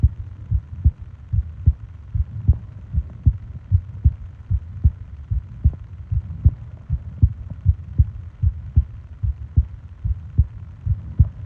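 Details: Steady, regular, low thumps at about 75 beats a minute over a soft hum, from a 20-minute ASMR heartbeat and breathing recording made for falling asleep; an ordinary resting heartbeat.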